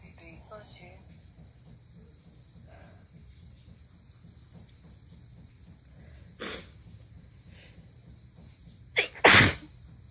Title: 1/6/23, STRONG sneezes with gf blessings